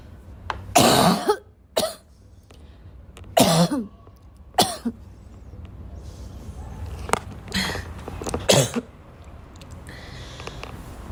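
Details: A girl gives about six coughs mixed with throat clearing, spread over roughly ten seconds in a quiet room; repeated coughing.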